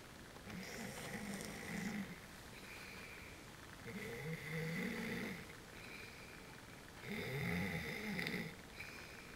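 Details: Three rough, low, vibrating snores recur with each breath in, about 20 a minute, separated by quieter breathing: ordinary snoring during sleep.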